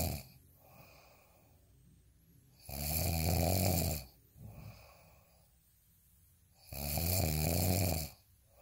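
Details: Snoring: loud rattling snores on each in-breath with quiet out-breaths between, about 15 breaths a minute.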